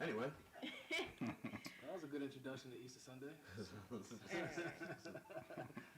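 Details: Adult male speaker; Normal speech.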